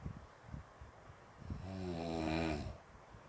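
A long, rough, buzzing snore on the in-breath, rising and fading over about a second, after softer breathing noises.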